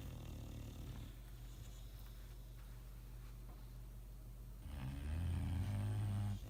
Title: Snoring Bulldogs